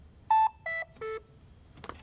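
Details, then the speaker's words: Lifepak CR Plus automated external defibrillator switched off during a routine inspection demonstration by holding the button: three short descending electronic tones, then a soft click; the AED power-off tone. "Now turn the device off. Hold this button for a few seconds until you hear."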